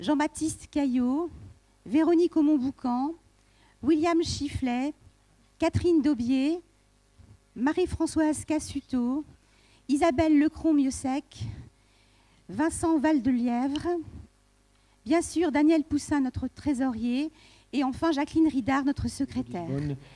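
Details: Adult woman speaking French; normal speech.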